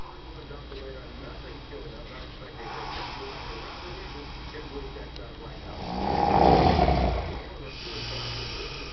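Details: Steady background noise with one loud, rough snore swelling near the end: snoring.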